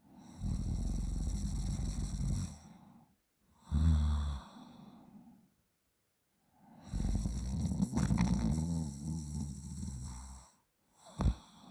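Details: Loud, rough, rattling snores with a brief snort near the end from a sleeping person: snoring.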